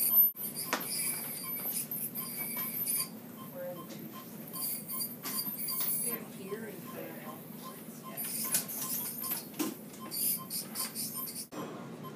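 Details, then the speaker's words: Steady high-pitched hiss with squeaky scraping and water spray as a veterinary technician uses an ultrasonic scaler on an anesthetized dog's teeth during a canine dental cleaning, before hand scaling below the gum line. "so after the technician uses the ultrasonic scaler then she goes around with the hand tool scaling below the gum line"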